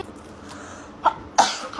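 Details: Two abrupt, sharp sneezes with faint room noise between, from a compilation of K-pop male and female idols sneezing.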